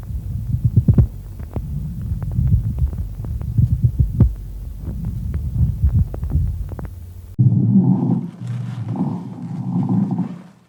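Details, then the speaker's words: Lung auscultation teaching recording, front and back of chest: low rumbling sounds with scattered sharp creaking crackles, heard on both inspiration and expiration, louder with stethoscope pressure; pleural friction rub. "это три рыбий сезон не постоянный интенсивный выслушиваем как и вдохе так и при выдохе усиливается при надавливании при движении даже животом"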